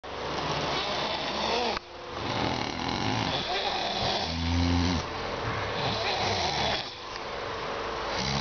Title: Snoring duet